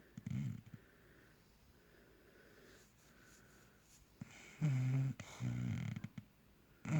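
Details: Bulldog snoring loudly enough to keep owner awake: loud rattling snores with harsh low bursts on breathing in and quieter whistles between; snoring.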